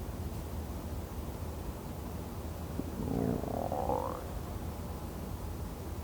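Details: Bowel sounds while napping after a 28 km bike ride, digesting lunch: brief rising, squeaky gurgle from the belly over steady background hiss; ordinary digestive bowel sounds.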